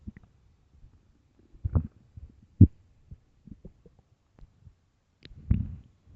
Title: extreamly empty loud deep stomach growls part 4 (starving)